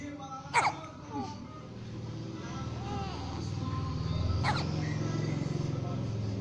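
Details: One-month-old baby girl: two abrupt, high hiccup sounds a few seconds apart, with music and traffic noise in the background: infant hiccups.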